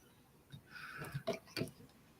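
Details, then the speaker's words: Several short, sharp bursts from Granny Smith, a cat, during a brief coughing episode in a quiet room; she was fine afterwards. "Granny Smith was coughing she's all right now though she's all right now"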